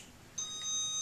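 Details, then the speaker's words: LIFEPAK 9 defibrillator preventive maintenance with an analyzer: paddles charged to 10 joules, a high steady electronic charging tone begins and holds. "what I'll do is I'll take my paddles here I'm gonna go ahead and charge them up"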